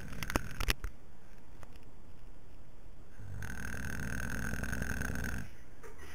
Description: sabado por la noche, estamos cansados y queremos dormir...pero no contabamos con la astucia y sus ronquidos... en fin fue divertido...